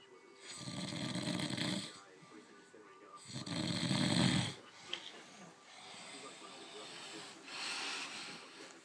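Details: Person snoring: loud, low, rattling breath sounds repeating a few seconds apart, with softer breaths between.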